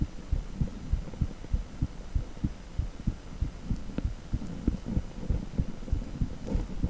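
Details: Echocardiogram with heartbeat sound: rhythmic whooshing pulses about 97 a minute over steady hiss; heartbeat on Doppler ultrasound.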